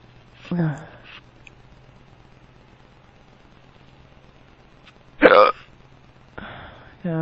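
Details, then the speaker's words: Hiccups in an adult man who is drunk; they are powerful and hurt his tummy, with a few burps. Brief voiced sounds with one sharp, abrupt vocal jolt in a quiet room. "You have the hiccups. Ow. Oh. I'm drunk. Oh. My hiccups sound weird."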